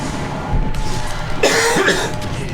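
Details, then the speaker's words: Adult playing Super Smash Bros. Brawl, apparently choking on a nut or its shell and feeling it stuck in the throat: a short burst of harsh coughing over game music. "oh stop coughing bro i'm gonna die"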